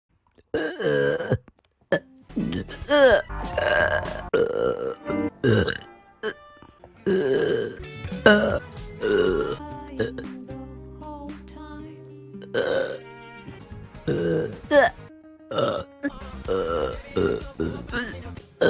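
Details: Female livestreamer, compilation of clips from her streams: repeated loud, throaty belches in quick succession with music underneath; ordinary burping.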